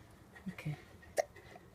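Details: A baby's hiccups: a few soft, abrupt catches of breath in a quiet room.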